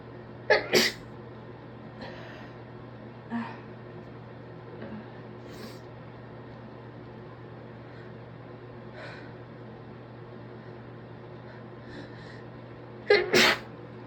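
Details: Several muffled, stifled sneezes, deliberately induced, with quiet sniffs between them over steady room hum; full-time student with a suspected stress cold, sniffly and congested all day after a 12-hour shift.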